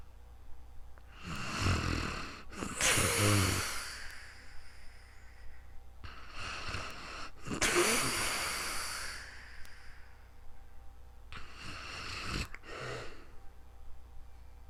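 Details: Real-time snoring during sleep, recorded on a new microphone: about three breaths in 15 seconds, each a rough rattling in-breath followed by a hissing out-breath, with faint room hum.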